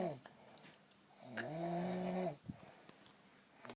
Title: Gendut ngorok